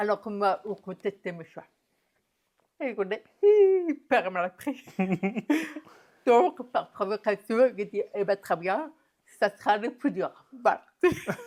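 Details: Adult woman, deaf since diagnosis at 9 months, who never heard her own voice and learned to speak through about 20 years of speech therapy, lip-reading and later sign language; deaf speech.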